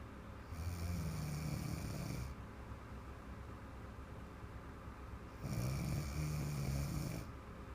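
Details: Two long, low, rattling snores about five seconds apart, with quiet breathing between, from a woman asleep during a massage after drinking a bottle of wine; ordinary sleep snoring.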